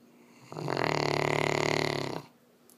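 One long, loud rattling snore of about 1.7 seconds, a steady buzzing vibration on the breath, then quiet.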